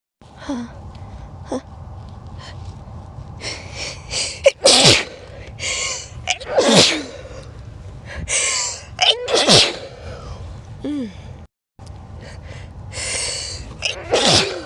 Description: In this video I just sneeze and do some build ups